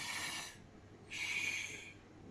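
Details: Imitated bronchial breathing: a harsh, hollow breath in and out with equal inspiratory and expiratory phases and a silent gap between them. Normal over the trachea; elsewhere on the chest it points to consolidation or a cavity.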